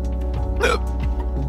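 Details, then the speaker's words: An adult man's single sharp, abrupt hiccup over steady background music, part of an ongoing bout of hiccups that will not stop during a gaming recording session. "which is probably good too because these hiccups are not stopping as you could probably tell"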